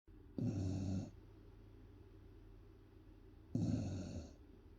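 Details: 10-month-old Beagle puppy snoring while asleep: two low rumbling snores about three seconds apart with quiet breathing between them.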